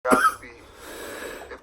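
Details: Adult coughing while smoking: one loud, harsh cough burst followed by a noisy breath in, with faint room noise.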